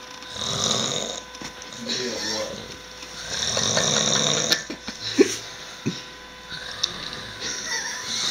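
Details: Drunk sleeping person snoring with rough, rattling snores over a few breaths, with room noise and background music; snoring stops after tissues are put on his nose; ordinary snoring.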